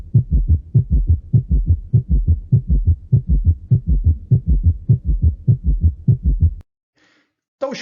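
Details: Teaching recording from a cardiac physical examination lesson; summation gallop heart sound.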